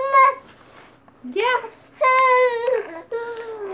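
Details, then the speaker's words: Infant cries in short, high-pitched bursts with brief breaths between, in a small quiet room, upset by a talking toy; infant crying. "Okay. Alec Baldwin made my baby cry, too."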